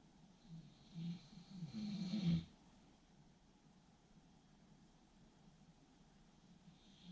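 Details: One rough, low snoring breath with a snorting quality, followed by quiet breathing in a small room; snoring.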